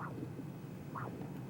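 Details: Sharp pulsed whooshing arterial Doppler beats, about one a second, from a normal triphasic signal in the distal superficial femoral artery at the adductor canal above the knee, during a lower-extremity arterial duplex exam.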